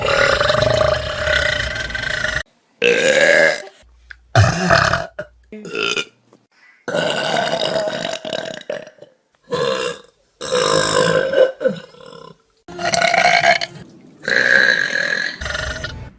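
A series of loud, drawn-out burps with short pauses between them. These are repeated belches.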